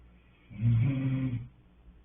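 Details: A single low, rumbling snore lasting about a second against quiet room noise; snoring.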